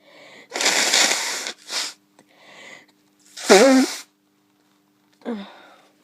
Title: Blowing with a developing cold (some sneezes)